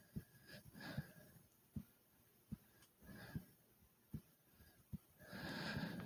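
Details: Deep, hard breaths over a steady thumping heartbeat of about 75 a minute right after doing 30 jumps in place: heavy breathing and heartbeat after exercise.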